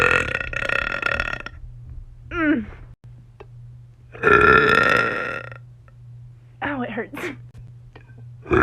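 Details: Burping compilation from a person who had coffee: several long, loud voiced belches separated by short pauses; repeated burping.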